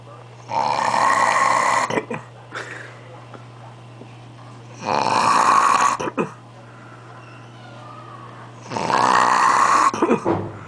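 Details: Man asleep, unaware he is being recorded: loud, rough rattling on each in-breath, three in about ten seconds, close to 17 breaths a minute. Heavy snoring.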